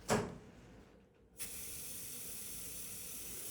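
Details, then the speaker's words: A short click, then a steady hiss of vapocoolant cold spray reapplied to numb the skin before the trocar incision in a hormone (testosterone/estrogen) pellet insertion procedure; vapocoolant spray. "the skin is still a little not an exercise probably so I just I spray a little bit more"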